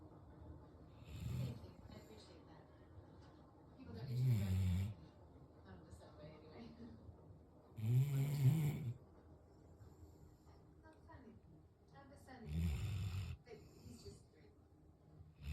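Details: Male black Labrador sleeping on the couch: deep, rumbling snores on each breath in, about 16 a minute, with quiet breathing between; snoring.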